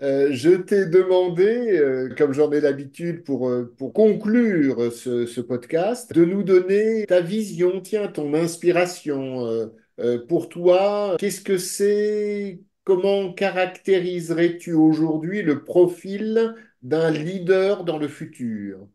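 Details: Adult man; typical speech.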